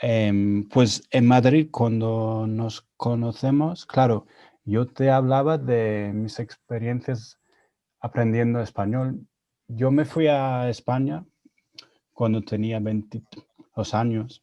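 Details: Adult man with real stuttering speaking Spanish, his second language, learned after moving to Spain at 22; he reports his stuttering was more severe in Spanish while learning it; stuttering.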